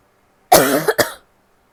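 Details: Female recording herself sneezing, coughing and blowing her nose: a single harsh cough, then a short second burst, in a quiet room; cough.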